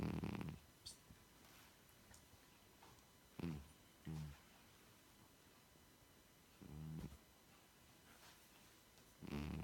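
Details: 16-year-old cat lying on the sofa asleep: soft, low rumbling snores, about four breaths in ten seconds, with quiet room noise between; snoring.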